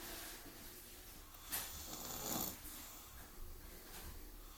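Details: Snoring after a visit to the park: a few soft, noisy breaths with one louder snorting snore over faint room noise; light snoring during sleep.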